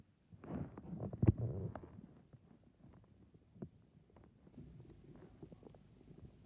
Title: My stomach growling